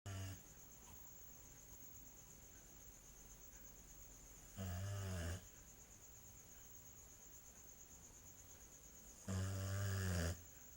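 Low, rumbling vibrating snores recur about every five seconds, roughly 12 a minute, over quiet breathing and a faint steady high background tone: snoring.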